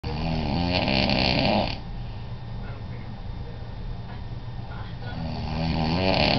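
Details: Adult man (father) snoring while asleep: loud rattling snore on each inhalation with quieter breathing between; recorded in Washington D.C.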